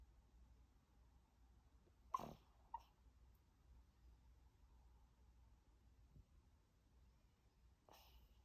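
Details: Sleep vocalization in a sleeping Maltese puppy: a few brief, soft huffs and yips, harmless sleep vocalizing.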